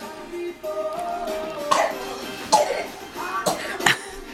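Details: Two-year-old child doing a playful "coughing dance": about four short, deliberate coughs over background music; voluntary cough.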